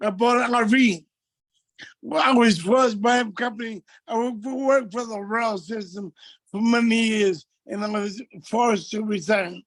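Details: Adult man with multiple system atrophy affecting his speech and gait; dysarthria.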